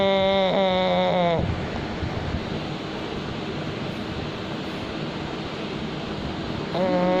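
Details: Sleeping pug snoring, said to be natural and not worrying: loud, whistling, tonal snore on each breath in, separated by a long, harsh, noisy airflow sound.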